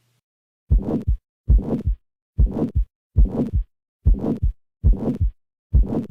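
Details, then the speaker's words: A harsh heart murmur, loud and rough, with high and low pitches produced together, carried on each of regular heartbeats at about 70 a minute. "finally here is a murmur that many clinicians would describe as harsh"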